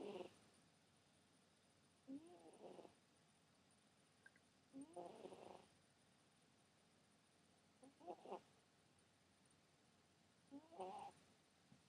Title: Snoring cat